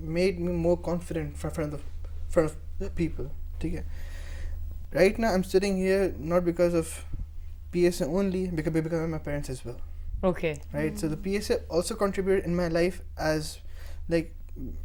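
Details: Young man who stammers and also has dyslexia, a member of a stammering association for about a month, speaking in a TV talk-show interview; stuttering.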